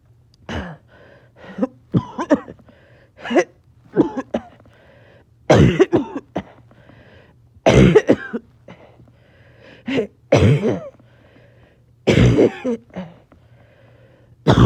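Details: Person a little short of breath, several coughing fits clipped back to back: about a dozen harsh coughs in clustered bursts over fifteen seconds with brief pauses and a steady low hum behind; coughing fit.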